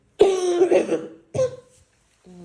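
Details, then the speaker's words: Adult woman at a second visit for acute fever with cough, sore throat and weakness, says coughing exhausts her: two harsh, dry coughs with no phlegm rattle; dry cough. "मुझे लगता है कि सिर्फ खांस खांस के खांस खांस के मैं थक जाती हूं।"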